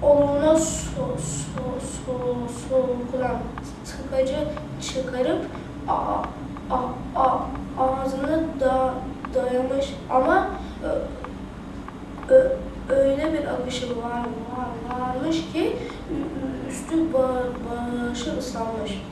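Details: Fifth-grade schoolgirl attending a speech therapy centre for stuttering, whose speech keeps her from raising her hand in class; stuttering.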